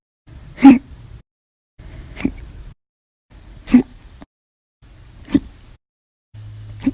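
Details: Five short, sharp gulping sounds about every 1.5 seconds with near silence between; violent, loud hiccups, audio only; repeated hiccups.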